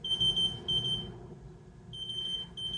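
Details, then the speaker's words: IV infusion pump alarm in a hospital patient, beeping because the slow-drip IV fluid bag ran out: rapid high-pitched electronic beeping in bursts over low room noise. "oh my thing is beeping I'm going to pause okay so all that beeping was the IV had run out it's just a very very slow drip"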